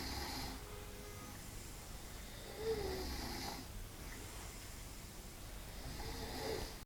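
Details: Soft rhythmic snoring, a low rasping breath about every three to four seconds over steady background noise, recorded overnight; snoring.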